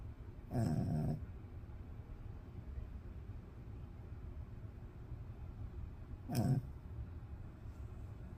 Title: Snoring dog.#dog #snoring #snoringdog #pet #animal